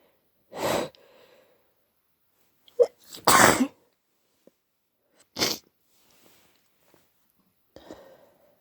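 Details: About four separate sneezes, some with a brief catch of breath before, deliberately induced at 3am to relieve a badly blocked nose causing headache; induced sneezing.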